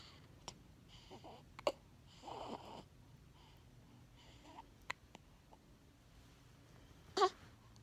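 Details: 17-day-old newborn boy holding his head up: about five sharp, abrupt hiccups at irregular intervals, with soft grunts and fussing between them; ordinary harmless infant hiccups.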